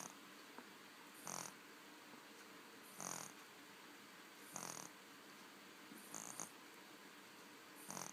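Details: 5-week-old baby asleep in bed: soft, hissing snoring sounds recurring about every 1.5 seconds, roughly 38 a minute, over quiet room noise; snoring during sleep.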